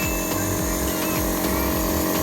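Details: Elitech Promist-2 compressor nebulizer running with mouthpiece and nasal attachment: loud steady buzzing motor hum with a rough pulsing rattle.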